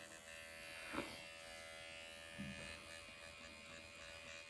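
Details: Microneedling with an MD Needle Pen set to 1 mm on the nose, after numbing ointment, in a self-treatment: a steady high mechanical buzz with a faint hum in a small room, the microneedling pen running.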